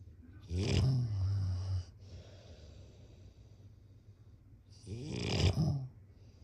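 Two loud, low, rattling snores on inhaling, about four seconds apart, with quiet breathing between: ordinary snoring.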